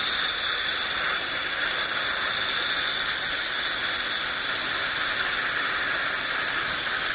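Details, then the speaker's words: Steady high-pitched whine and air-spray hiss of a dental handpiece running an Axis CeraGlaze porcelain polisher, kept moving over the porcelain with air cooling to avoid overheating, refining a porcelain restoration after post-cementation bite adjustment. "the air is keeping the porcelain cool I'm moving the polisher around different areas of the porcelain so I don't overheat the porc in one area"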